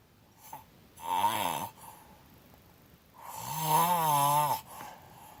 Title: Snoring with Mouth Open